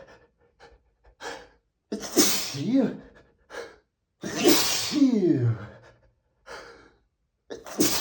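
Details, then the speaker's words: Rapid run of 60+ forceful sneezes, each preceded by a sharp gasping inhale, during a bad allergy day after weeks of frequent sneezing and nose itching, possibly from dust; sneezing fit. "just been so sneezy this last few weeks. I don't know what's happening. I just can't stop every I don't know what's happening."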